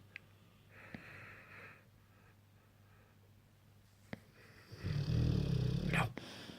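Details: Bullmastiffs asleep on the bed; owner says they snore loudly: a deep, loud rumbling snore on an inward breath, after quieter breathing with faint room noise.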